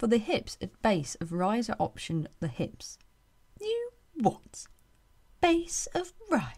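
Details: Woman with Tourette syndrome and echolalia, mimicking sounds from her environment, her voice-over recording interrupted by tics in genuine outtakes; vocal tics with echolalia (Tourette syndrome).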